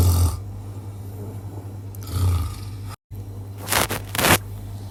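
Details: Father snoring while baby and mother cannot sleep: low rumbling snores over a steady hum, with a brief gap and a few sharper noises near the end.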